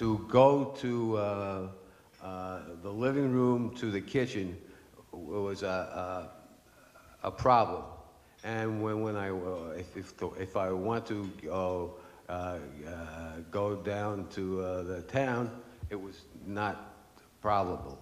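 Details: Aphasia after stroke in an adult man, stroke 10 years earlier; after two and a half years of speech therapy he can say some things but still struggles to form sentences.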